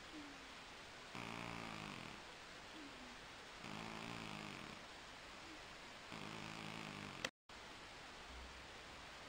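Soft, purring snores about every two and a half seconds over steady room hiss, a cat snoring in light sleep.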